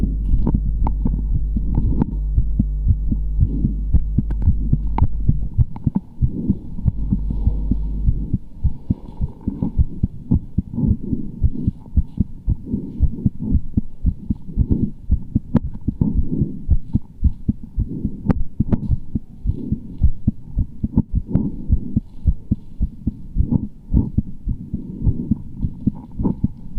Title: Scenes Heartbeat Sound Muscular Guy